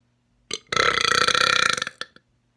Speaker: now usually before i end the video or after i end the video uh there's always a lot trapped in me so i'll try and get this last big one in just before the video ends